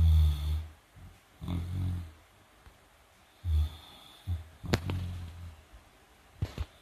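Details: Deep low rumbling snores every few seconds with soft snorts and small sleep sounds between them, from a 158-pound Great Dane cross mastiff dog that is asleep and dreaming; snoring.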